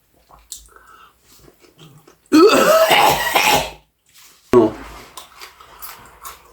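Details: Man who says he was ill for a month with a cough, reacting to pungent mustard and strong onion: loud harsh cough-and-throat-clearing burst, then a sharp cough; irritant cough and throat clearing.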